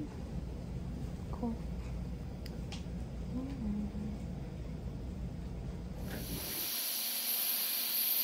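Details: Dental hygienist receiving a teeth cleaning after a long gap: hissing water spray and suction, then the high, thin whine of a dental cleaning instrument starting up.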